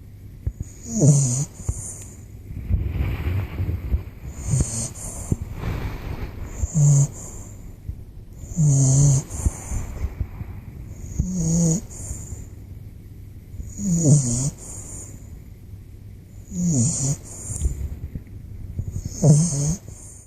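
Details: Bulldog puppy: loud, rough snoring with a snorting quality, about 23 breaths a minute, each breath carrying a low rattle; snoring.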